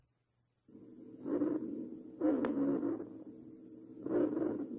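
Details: Rhonchi heard on respiratory auscultation.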